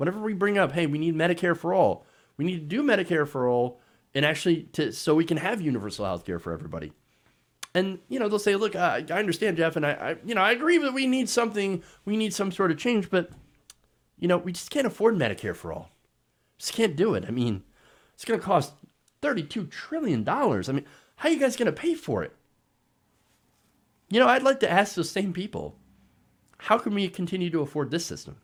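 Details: Adult man speaking; ordinary speech.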